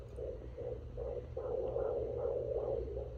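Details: Fetal heartbeat at 18 weeks of pregnancy heard at home with a handheld fetal Doppler over gel on the belly: rapid, regular whooshing pulses at about 150 beats a minute.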